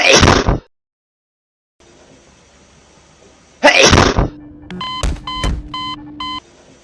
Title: hedgehog sneezed everyone started to fall 2🦔